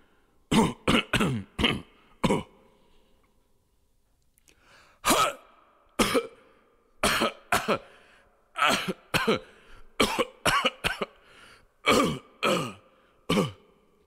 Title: GUY COUGHING SOUND EFFECTS